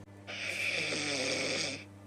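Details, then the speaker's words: Simulated snoring in a comedy sketch: one loud, harsh, rasping snore on breathing in, exaggerated as a man is complained about for snoring like an animal. "छोटे-मोटे ख्राटे ले रहा है तू। पूरे जानवरों की तरह ख्राटे ले रहा है।"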